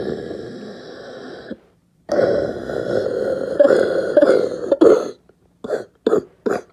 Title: Barking cough 3